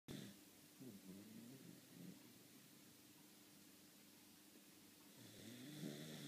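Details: Dog named Molly snoring: quiet, soft snoring with low buzzing breaths over room noise, louder at the start and end.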